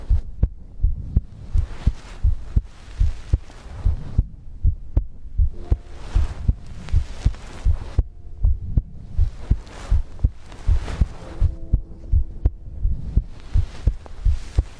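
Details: ASMR recording of a person's own heartbeat made for sleep: regular thumping heartbeat around 80 beats a minute, with breathing noise and faint background tones; normal heartbeat.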